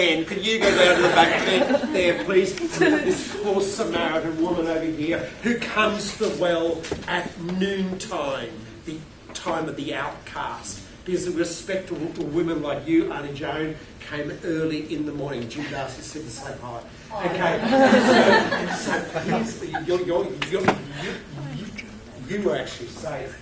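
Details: Adult male keynote speaker with a self-reported stutter who finds microphones scary, speaking at a conference; stuttering.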